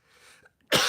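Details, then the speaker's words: Lingering cough: a soft breath, a brief pause, then a single sharp, harsh cough burst that is cut off at the end. "excuse me so it's lingering cough"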